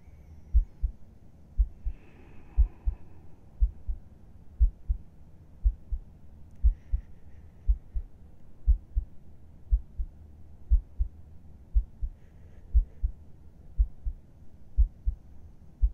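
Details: ASMR heartbeat recording as if heard with the listener's head on the chest at bedtime: steady paired lub-dub thumps, about 60 beats a minute, over a soft hum; calm, regular normal heartbeat.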